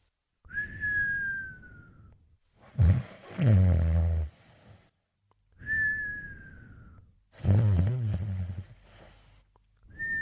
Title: Dodger & Cooler Sleeping & Snoring